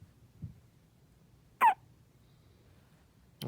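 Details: Newborn on day 4 of life with hiccups: brief, sharp, high-pitched hiccup sounds separated by silence in a quiet room.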